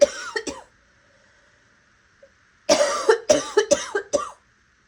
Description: Ranging from raspy to hoarse to wet with a few hints of barking.